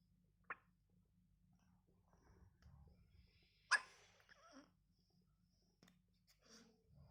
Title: Cute baby hiccups!!